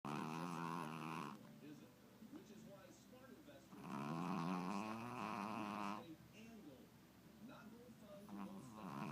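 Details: Tubby, a Chihuahua, snoring; owner suspects possible sleep apnea: slow, rumbling snores, about 14 breaths a minute, with rattly drawn-out breaths in and quieter breaths out.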